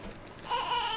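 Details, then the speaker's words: Newborn girl about one day old, on leaving the hospital: a brief, thin wavering cry rising in the second half, an ordinary cry like her cries when hungry or needing a diaper change. "Like, as sad as you just saw her was about as sad as she has been whenever she needed her diaper changed or she was hungry."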